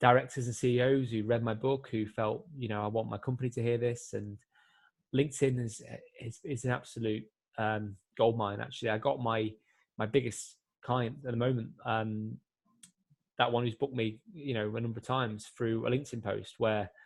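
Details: Adult man who has stammered since he could speak and also has epilepsy; he is more fluent before large crowds than on the phone or one-to-one, and still gets complete blocks; stuttering.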